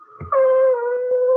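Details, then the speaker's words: Stridor heard on auscultation of a patient with respiratory failure assessed for high-flow oxygen therapy: loud, steady, high-pitched whistling breath sound, mainly inspiratory, often audible without a stethoscope. "Entonces el estridor, dice, es un sonido fuerte, agudo y sibilante que se escucha durante la inspiración pero que también puede ocurrir durante todo el ciclo respiratorio. A menudo se escucha sin estetoscopio."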